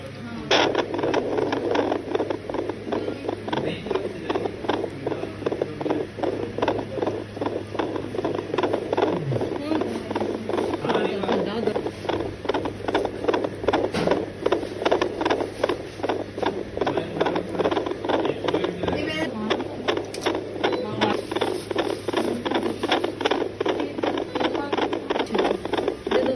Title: How To Take a foetal heart sound of a twin pregnancy by Doppler#video